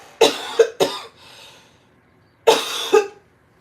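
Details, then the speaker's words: Adult's chesty cough: three harsh coughs, then two more after a short pause, faintly loose and congested; the cougher has chest congestion and is drinking mullein tea for it. "together oh you will hear me coughing because I am using Mullen Mullen tea I don't know if you are familiar with that but Mullen tea will get all the FL out your out your chest and congestion"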